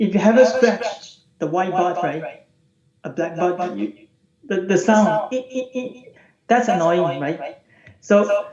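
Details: Adult man from the UK with puberphonia, voice unchanged since he turned 14; recorded before online voice therapy.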